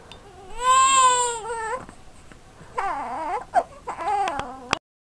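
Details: Seven-week-old baby boy with hiccups, fussing: two bouts of fussy, wailing infant crying with short whimpers between them.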